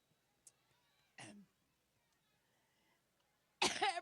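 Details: Two abrupt coughs from an adult woman during a coughing fit at a campaign event, a brief harsh burst then a louder, voiced cough with some throat clearing, in a quiet background.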